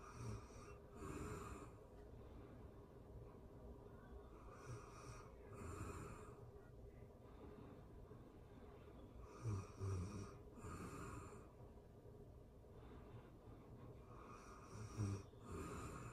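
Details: Real-time recording of a person asleep: soft, rough snores at about 12 breaths a minute, with occasional snorts, against steady room hum; snoring.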